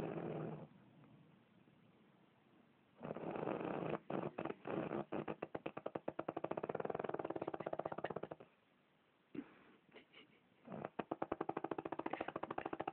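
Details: Real, unedited snoring during sleep: quiet, rapid fluttering snore in bursts with pauses, with a purring, rattling quality on the sleep breaths.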